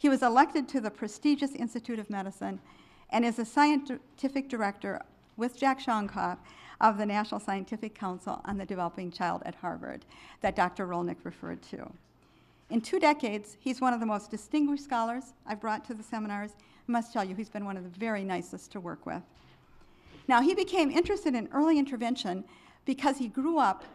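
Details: Adult woman; normal speech.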